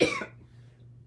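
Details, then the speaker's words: Adult physician with COVID-19, day 2–3 of symptoms and confirmed by a positive test, coughing productively and bringing up phlegm that has to be spat out. "I am coughing, as you can hear. I'm coughing up stuff, like that gross cough where like you have to run to the toilet and spit."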